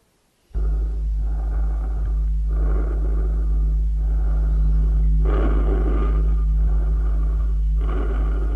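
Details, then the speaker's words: Harsh, loud, high-pitched breath noise in both inspiration and expiration with brief pauses, heard best with the stethoscope diaphragm over the larynx and trachea: normal bronchial (tracheal, laryngotracheal) breathing. "se puede imitar inspirando y espirando fuertemente con la boca entreabierta y colocando la lengua contra el paladar y pronunciando la letra g si hoy y en ambos tiempos respiratorios es áspero y de alta frecuencia y se oye mejor con membrana escuchémoslo"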